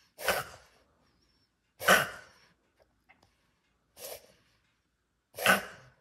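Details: A dog gives four short, harsh, explosive coughs spaced over several seconds with quiet between them, while the owner urges it to drink water: bad coughing.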